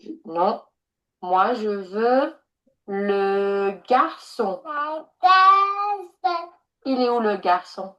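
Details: Child with clear comprehension difficulties who tends to repeat sentence endings, repeating the speech therapist's words during a card-naming task while still engaging; echolalia.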